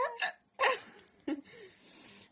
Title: Russian girl hiccups #2